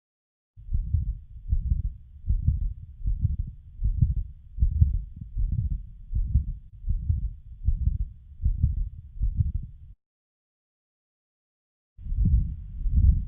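Child's heartbeat at about 80 a minute with a continuous rumbling murmur running through each cycle.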